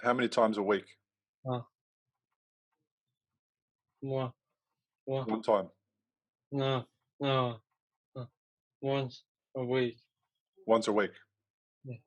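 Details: Male who had a stroke from a ruptured arteriovenous malformation at age 15 that left him in a coma; three years later he has post-stroke aphasia, with trouble getting words out rather than understanding: aphasia.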